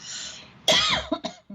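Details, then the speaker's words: Single sudden, forceful cough with a sharp, sneeze-like onset, then two or three brief throat-clearing bursts, during a live radio talk show; the host first wonders if it was a sneeze, then calls it a cough. "I don't know if that's a cough or a sneeze. No, that's a cough, but it sounds like a cough as a sneeze."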